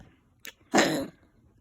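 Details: A sick pet, still coughing at about 1:22–1:30 a.m. on 24 February; the owner thinks its ribs hurt from coughing and plans a vet visit. After a brief catch, one harsh, forceful cough.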